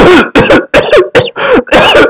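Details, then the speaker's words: Adult imitating a child's whooping cough (pertussis): a run of five or six forceful coughs in one breath, then a gasp for air, which is often accompanied by vomiting; spasmodic whooping cough, imitated. "يجاسب بعد ما خلص 5-6 كحات، يجاسب فور اير. ده اللي احنا بنسميها السبازموديك كاف او الهوبينج كاف."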